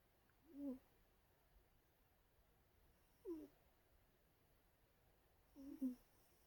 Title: Cat snoring sounds